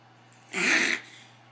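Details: 11-year-old female greyhound with a reverse sneeze: a single harsh, noisy snorting intake of air through the nose.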